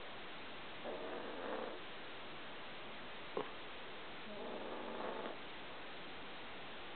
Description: My lazy dog laying in my bed snoring heavily.